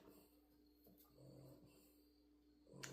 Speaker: wonder if you can hear my dog snoring. He sleeps a lot lately.